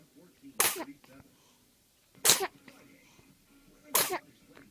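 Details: Baby aged 6 weeks (1 month): three small, sharp sneezes about a second and a half apart, with soft breathing noises between; sneezing.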